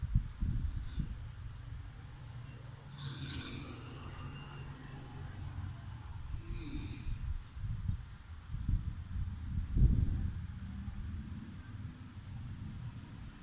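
Rough, low, rattling snoring and snorting breaths with some room noise in the background.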